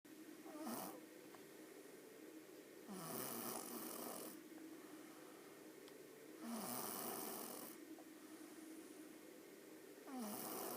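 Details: Four soft, raspy snores on slow breaths, about 18 a minute, from a sleeping animal; snoring.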